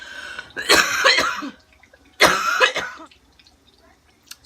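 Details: Adult woman with pneumonia and asthma, recently on her inhaler, coughing while cooking: two clusters of harsh, throaty coughs and throat clearing with quiet room noise between, repeated coughing with chest illness.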